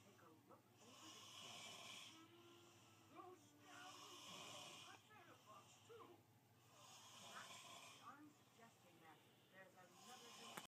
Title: Snoring hard af